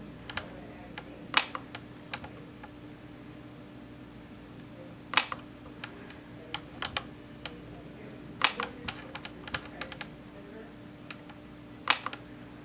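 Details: Sharp, irregular snapping clicks over a quiet hum: YAG laser pulses fired at a C-shaped Weiss ring vitreous floater during vitreolysis, the floater shrinking as treatment progresses.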